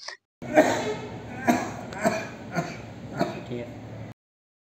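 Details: Several short, deliberate coughs on request from a male patient during a hernia examination by a medical student, with a hand on the swelling to palpate for a cough impulse.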